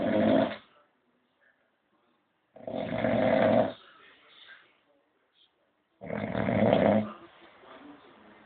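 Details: Snoring while resting after a music gig: loud, rough snores on each in-breath with quieter out-breaths, about 18 breaths a minute; typical heavy snoring.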